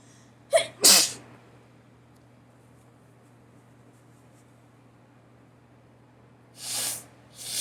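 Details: Allergy sneezing: a quick inward catch, then one sharp, forceful sneeze, followed by two softer hissing bursts.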